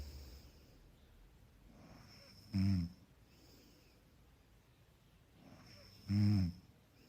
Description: Soft snoring background sound track.